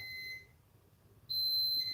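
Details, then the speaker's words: Steady high electronic beeps with short pauses in a quiet room: an enteral feeding pump alarm going off after the pump was left on the counter, not turned off, and everyone had left the room. "they left Luke's feed pump on the counter and didn't turn it off"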